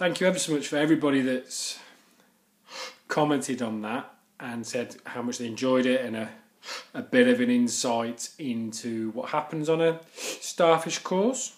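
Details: Stuttering (stammering) in an adult male who stammers.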